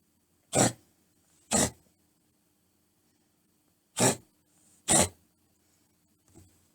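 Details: One of three household cats (males aged 3 years 5 months and 8 months, female about 1 year 9 months) makes four short, sharp, forceful expulsive bursts, then a fainter fifth. The owner is unsure whether it is a cough or a reverse sneeze.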